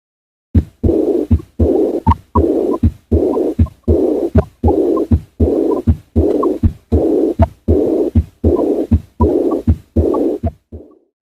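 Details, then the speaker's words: Aortic regurgitation, breath held in expiration: regular heartbeat near 79 a minute with an early diastolic blowing murmur best at the left sternal edge; no associated mitral stenosis. "it is a early diastolic murmur which is best heard at the left sternal edge sometimes really a midday slick murmur heard at the apex may occur due to the austin flint effect of the aortic regulation but there's no associated mitral stenosis in this case"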